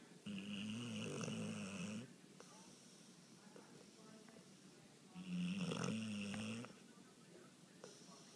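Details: A heavy sleeper whose snoring can be heard from the next room gives loud, buzzing, low-pitched snores of about two seconds each, repeating roughly every five seconds with quieter breathing between them. Snoring.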